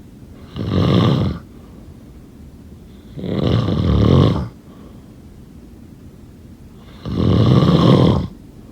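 Three loud, rattling snores on breathing in, about 16 breaths a minute, with quiet pauses between; ordinary snoring.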